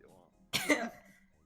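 One short harsh cough burst in a quiet room, heard during a COVID-19 illness.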